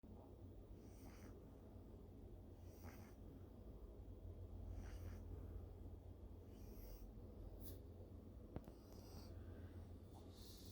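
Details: Two dogs asleep, one of them snoring quietly: soft, regular noisy breaths about 28 a minute over a low background hum.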